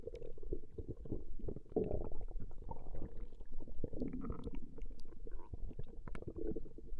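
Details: Stomach growling recorded from a woman over a 20-minute session: low, rolling gurgles and rumbles from the abdomen, continuous and irregular; borborygmi.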